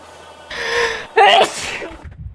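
A single sharp sneeze comes after a short indrawn breath, with low room noise around it.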